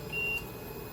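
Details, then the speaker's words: LTV ventilator powered on with saved settings but no patient connected; a single brief high-pitched electronic beep: ventilator disconnect alarm. "Now, it's saying disconnect because the patient is not on, but it has the save settings."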